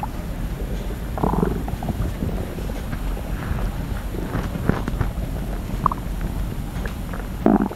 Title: Stomach Sound ASMR, slosh & crackle | Stomach Growling